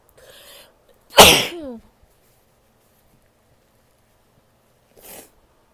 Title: sneezes and nose blows (f)